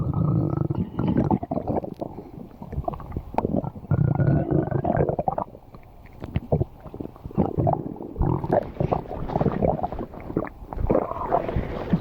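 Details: Long low rumbling and gurgling from the belly of an animal, Bakii; ordinary stomach growling (borborygmi) from gut movement.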